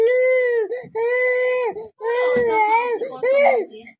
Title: Cute baby boy🙇❤️//baby fake crying then laughing